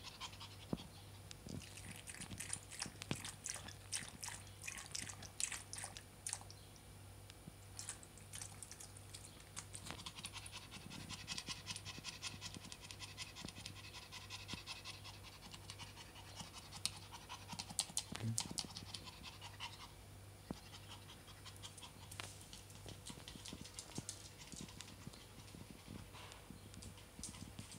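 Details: Rapid, breathy, effortful panting from Maya, a small Prague ratter dog, gasping for air on a very hot summer day.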